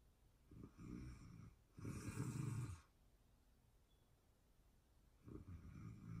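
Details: Low, rough rattling breaths during sleep, a short one then a loud drawn-out one, then a quiet gap before the next; ordinary snoring recorded in real time during sleep.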